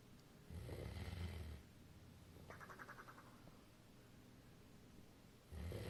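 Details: Snoring.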